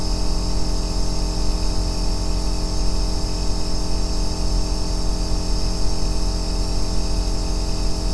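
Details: Steady, deep, low humming drone, unchanging throughout, a 2-hour recording of an aerosol nebulizer used as sleep background sound; nebulizer running.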